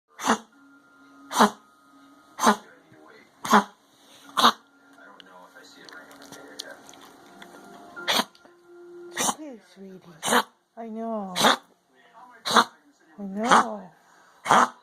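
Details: Dog gives about ten sharp, harsh cough bursts roughly once a second over faint background hum; dog coughing.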